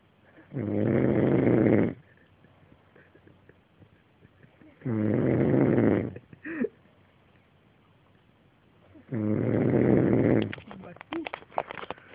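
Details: Ordinary heavy snoring: three loud, rough, rattling snores on inhalation separated by quiet pauses of a few seconds.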